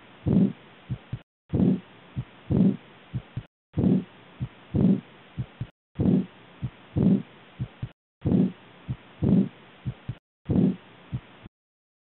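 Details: Aortic regurgitation (aortic insufficiency) murmur heard by stethoscope auscultation: heart sounds with a blowing murmur from a leaking aortic valve that does not close tightly.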